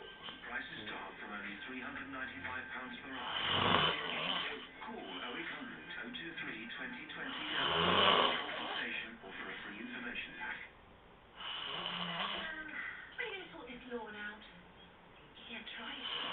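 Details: Snoring recorded on a mobile phone: slow, rough snores about every four seconds, partly masked by television speech and music in the room.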